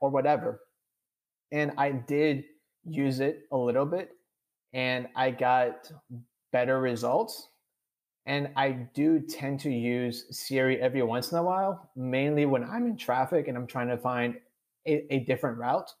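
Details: Adult man with stuttering who says he is stuttering during this conversation; real speech; finding: stuttering.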